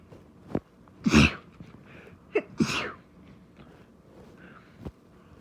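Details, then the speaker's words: Rapid sneezing fit: two sharp, explosive sneezes about a second and a half apart, with small catches of breath around them, in a quick sneezing bout. "You like my sneezes, baby? Phew. Phew."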